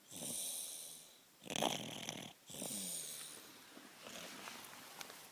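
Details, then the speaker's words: Young child asleep in a car seat after a warm car ride, congested lately: three wet, rattling, snorting sleep breaths, snoring with lots of booger sounds; congested snoring. "that's snoring with lots of booger sound effects."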